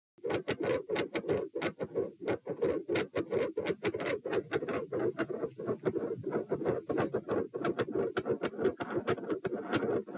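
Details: Mid-systolic murmur varying with posture, recorded at position P while moving from supine to standing, heart rate 78-102 bpm; fast regular heartbeats with a rough murmur filling the gaps.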